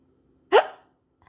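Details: Hiccups: a single short, abrupt voiced catch in quiet.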